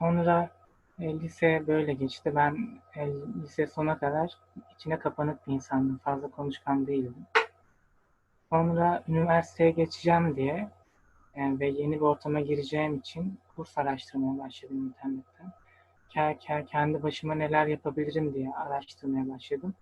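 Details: 23-year-old male medical student with stuttering since early childhood, who has attended stuttering therapy courses; stuttering.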